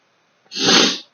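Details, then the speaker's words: Adult male in an allergic sneezing fit triggered by his chinchillas' dust bath: a single sharp, explosive sneeze. "i just sort of when i felt like i was gonna sneeze i knew what was coming and i um you knew what was coming and i um i turned the recorder on"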